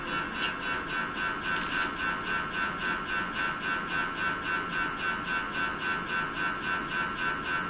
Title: MRI noise #subscribe #please